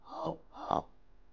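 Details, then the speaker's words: An adult imitating two harsh, hoarse barking coughs to demonstrate the croup cough of toddlers and children. "parents will come in and say my child took a nap and when they woke up they had shortness of breath and they couldn't breathe and they had this horse barky cough and I'll demonstrate it for you"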